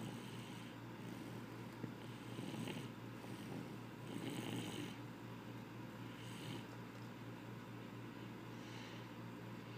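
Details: Snoring during sleep: soft, rumbling breathing sounds repeating under a steady low hum; quiet snoring.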